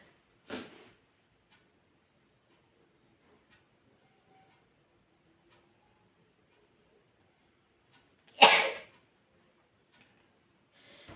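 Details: Two sharp, forceful sneezes several seconds apart in a quiet room; ordinary sneezing.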